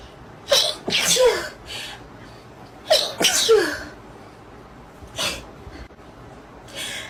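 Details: Sneezing compilation: two double sneezes, each preceded by a sharp inward breath, then a single softer sneeze.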